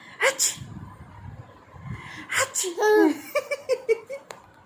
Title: Reaction on real and fake sneezing 🤧🤣🤣🤣 she knows when I act 😅🤣 n smile on it❤️😘